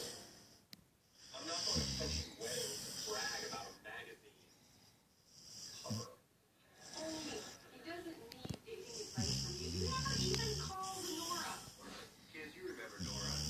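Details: Sleeping pit bull dog: irregular snorting, rattling sleep breaths with bursts of noisy airflow; snoring.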